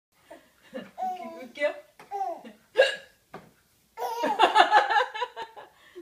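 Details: Baby reacting to grandma's hiccups: a few abrupt hiccup sounds mixed with speech and a child's laughter.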